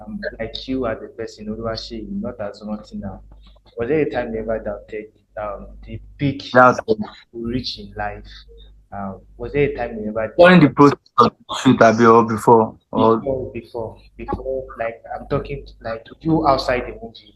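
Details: Adult male interviewer; Normal conversational speech.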